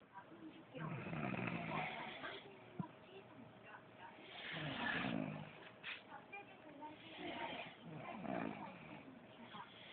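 Rough, rattling breathing noises in repeated waves about every few seconds, recorded faintly by phone; snoring.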